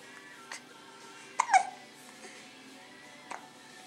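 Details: Happy baby making happy noises while hiccuping: soft, abrupt catches at irregular intervals with faint music behind; hiccups.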